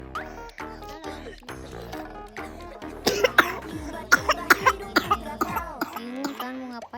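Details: Child's persistent night-time cough that disturbs sleep: repeated short coughs, several in quick succession, heard over background music.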